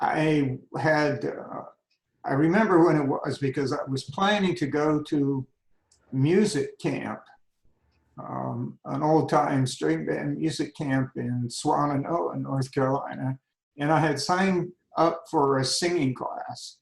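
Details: Adult man with spasmodic dysphonia beginning at age 51, managed without Botox. Finding: spasmodic dysphonia.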